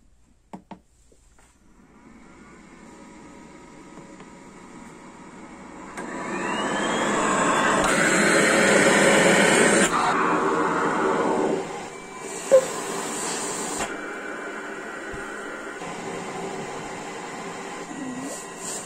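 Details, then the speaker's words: Cough assist used on a young girl standing in a stander to help her breathe deeper: steady machine whooshing that builds then drops off sharply, pushing air in and pulling it out; oxygen 98% afterward. "but right now we're going to do her cough assist standing up and hopefully that'll help her breathe a little bit"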